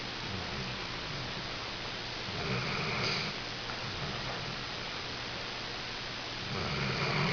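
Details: Soft, rough snoring breaths repeating over steady room noise from a sleeping animal taking a nap; snoring.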